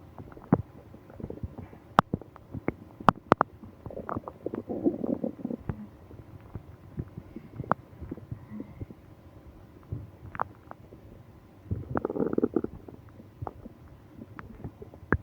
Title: Stomach ache on business trip (stomach growling, moaning)